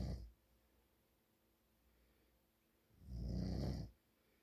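Two loud, low, rattling snores about three seconds apart, with quiet breathing between: snoring during sleep.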